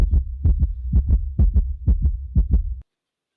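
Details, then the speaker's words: Regular paired lub-dub heartbeats, about 125 a minute, deep and thumping with no other sounds, played during a healing talk; heartbeat. "You hear that? That's your heartbeat. It's awakening, and the vibration is going through."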